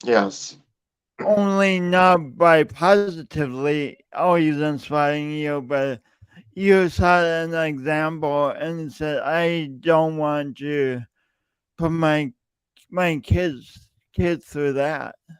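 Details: Male speaker who self-reports an audible speech impediment present whenever he speaks, with part-word and word repetitions; stuttering (speech disfluency).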